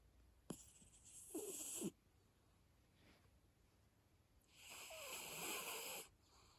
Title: Cat Snoring